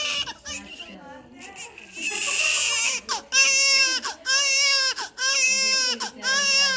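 Loud, rhythmic newborn crying in repeated high-pitched bursts with quick breaths between, about one cry a second, over faint background voices and music.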